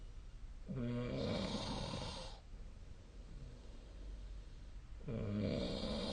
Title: 🐽 本日のイビキ / Snoring Sleep Sound 2025/02/17